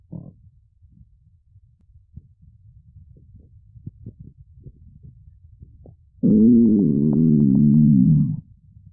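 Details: Woman's big belly, hungry, empty and hollow: faint abdominal gurgles, then a loud, drawn-out tonal growl of about two seconds, hunger stomach rumbling (borborygmi).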